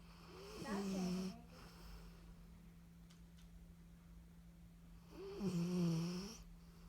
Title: Who's Snoring?